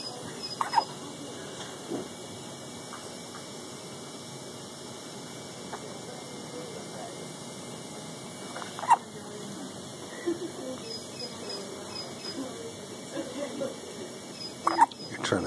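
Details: Three brief, sharp hiccups from an infant girl, spaced several seconds apart, in a quiet room.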